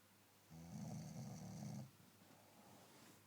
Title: Snoring